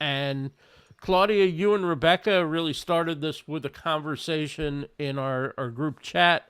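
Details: Adult male speaker; normal voice.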